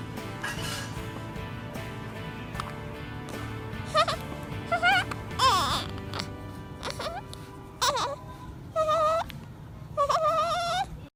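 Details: Newborn baby just after birth, who hiccupped a lot in the womb: short bleating cries, several brief wails over background music and room noise; newborn cry.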